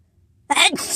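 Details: A sudden, forceful burst of air after a brief quiet moment: a single sneeze within a run of repeated sneezes.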